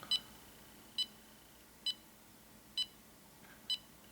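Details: EMAY EMG-20 portable ECG monitor held in the hands during a 30-second recording; short electronic beeps, one per heartbeat, about 68 a minute and fairly even; normal rate.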